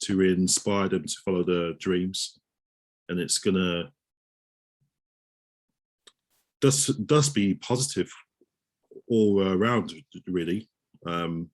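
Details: Adult male osteopath who stammers, speaking in a real interview; stammering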